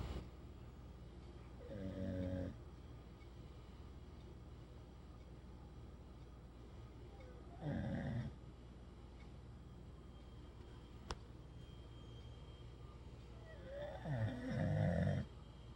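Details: A sleeping animal gives three slow, rumbling, fluttering snores over about 16 seconds against a steady room hum. Snoring.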